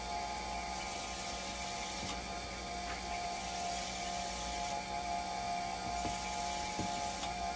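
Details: Steady mechanical hum with a constant tone and faint rhythmic clicking of a pump: a hemodialysis machine running a test after calibration while conductivity and temperature stabilize.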